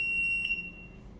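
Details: Philips HeartStart FRx automated external defibrillator in a training demonstration: a single steady high-pitched electronic tone of about half a second, then fading. This is the power-on tone as the on-off key is pressed, before the pad-placement prompts.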